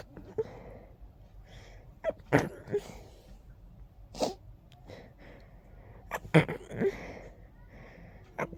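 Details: An adult's short, congested sneezing fit: a quick run of many strong, forceful sneezes with a blocked, stuffy quality from nasal congestion.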